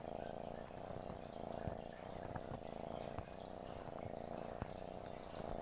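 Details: Cat purring: steady low rumbling purr, continuous through the breath cycle, with faint room noise.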